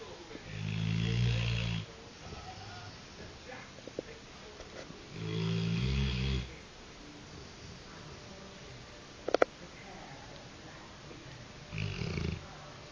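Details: Golden Labrador dog snoring: three long, low rumbling snores with quiet pauses between them, plus a brief sharp noise near the end.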